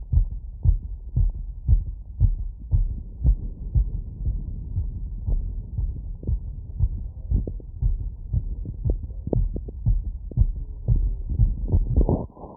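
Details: Heartbeat after a 3 km run at about 150 bpm, recorded with a wireless stethoscope using membrane and funnel in all frequency modes. Pulmonic, aortic, mitral and tricuspid areas and Botkin-Erb's point were covered, standing in a light tilt. Fast, strong, regular heartbeat: exercise sinus tachycardia.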